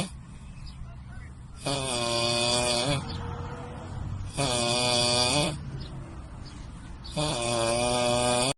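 Three loud, buzzing, tonal snores about 2.8 seconds apart, with quieter breathing out between them.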